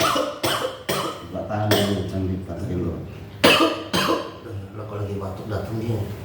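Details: Volunteer ambulance driver, exhausted from working without a replacement, lying down during therapy: a run of harsh, loud coughs with voiced groaning between bursts, heard over nearby talk.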